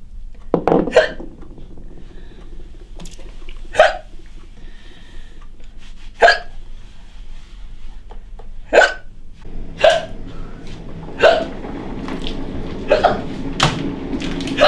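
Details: Woman with a chronic hiccup condition hiccuping during housework: about nine short, abrupt voiced gulps at uneven intervals over household background noise; repeated hiccups.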